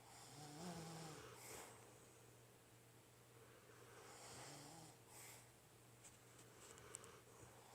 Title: napping buddies #rednosepitbull turn it way up for syncronated snoring